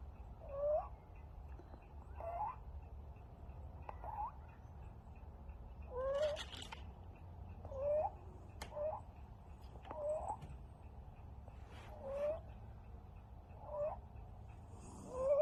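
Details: A 5-week-old stray kitten with an upper respiratory infection makes a high, squeaky chirp with each breath in: inspiratory stridor from a narrowed larynx.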